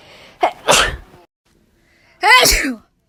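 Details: Two sneezes, each a quick drawn-in breath followed by a sharp explosive burst of air and voice.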